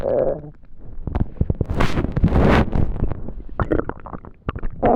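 Loud low gurgling and rumbling with bubbly pops from the belly: ordinary hunger-related stomach rumbling.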